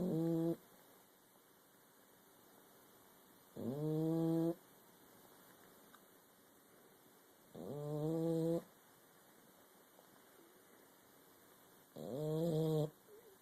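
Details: Female animal with gills moving as she snores, recorded in the dark: slow, regular, low buzzing sounds with each breath, about fifteen a minute, separated by quiet pauses; snoring.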